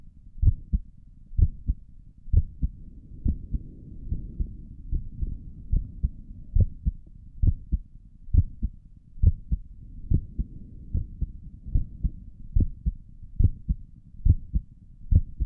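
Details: Heartbeat heard through a stethoscope on the chest for an ASMR recording: steady, regular lub-dub at about 70 beats a minute with low chest rustle behind it; stomach gurgles occur during the recording; normal heart sounds.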